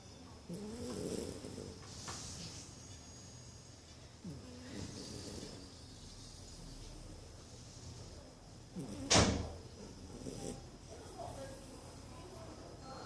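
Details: Mocha, a Corgi, asleep and very tired after a Christmas party: soft, low rumbling breaths roughly every two seconds with one louder snort; snoring.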